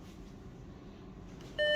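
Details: Philips HeartStart FRx AED in a training demonstration: quiet room hum, then a clear electronic beep as the green on-off button is pressed during the self-test's on-off button verification.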